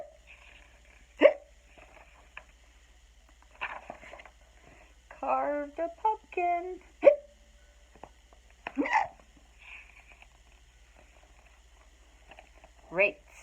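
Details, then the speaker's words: Sharp, short gulping 'hic' sounds every few seconds between bits of speech, imitated hiccups during a read-aloud of the children's book Skeleton Hiccups; simulated hiccups. "Skeleton woke up. Had the hiccups."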